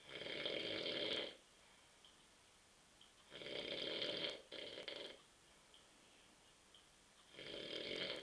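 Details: Adult man (husband) asleep on a sofa on a Saturday night at 9:30 pm after drinking too many beers; loud rattling snores on breathing, about three in eight seconds with quiet gaps between; ordinary sleep snoring.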